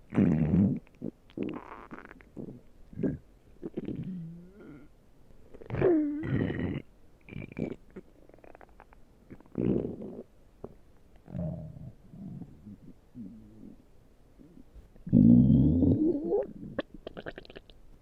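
Frequent loud gurgles, squeaks and groaning rumbles with short gaps: ordinary stomach growling.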